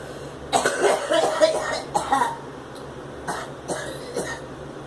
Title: Girl smoking and coughing